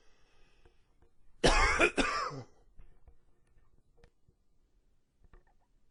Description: The allergies have kicked in with the cooler fall weather. If you like extended fits, wheezy and and a little bit of gagging...this one should be just for you.